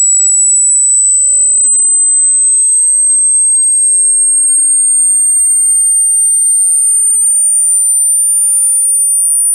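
A steady, very high-pitched pure tone slowly rising in pitch, a tone sweep for an online hearing test.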